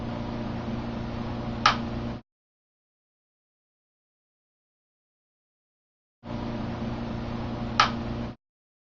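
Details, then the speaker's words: Two bursts of steady hum, each with one sharp click, as a TMS coil pulses the motor cortex area controlling the right finger in a demonstration subject, with right-hand muscle activity recorded; TMS coil pulses. "so what i'm going to do is i'm going to pulse his brain in that area and i'm going to make his finger move"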